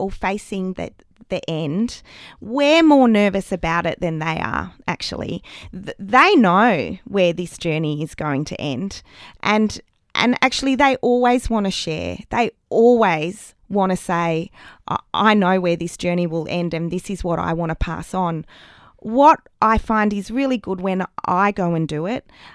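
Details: Adult woman in an interview who still stutters, much worse as a child, with audible word repetitions; stuttering.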